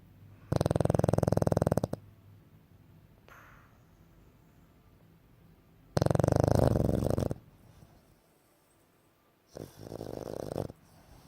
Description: My pug Seamus sleeping and snoring